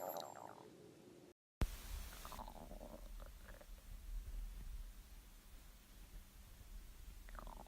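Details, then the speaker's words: Woman's stomach growling from hunger, caught accidentally while filming: a low, drawn-out gurgling rumble with squeaky rising and falling tones. "No, tell me, please tell me you heard my stomach, please."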